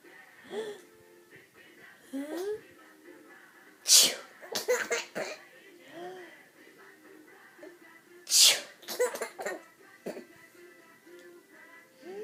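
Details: Two loud, sharp sneezes several seconds apart as someone laughs at the sneezer, with a child's laughter and soft music in the background; sneezing.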